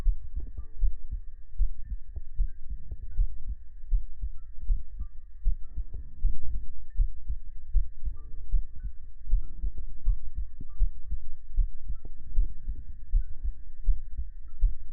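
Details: Heart sound segment of an ASMR livestream, following ear massage, ear cleaning and oil massage: a steady, low thumping heartbeat at about 80 beats a minute under a faint hum and soft tones.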